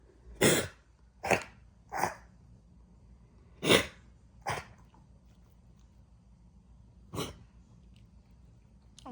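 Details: Dog with aspiration pneumonia gives six short, harsh coughs in a quiet room.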